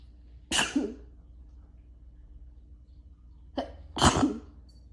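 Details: Two strong, forceful sneezes, each a sharp explosive burst, the second preceded by a quick in-breath.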